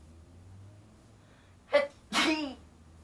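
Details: Deliberately acted sneeze for a sneezing challenge: a sharp in-breath, then one loud, explosive sneeze.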